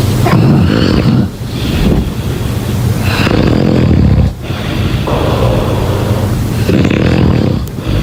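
Heavy, coarse, rumbling snores filling each slow breath, roughly 20 breaths a minute, with brief pauses between.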